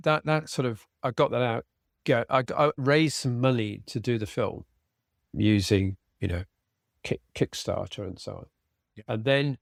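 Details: Aphasia in an adult man following a sudden stroke, treated with speech and language therapy.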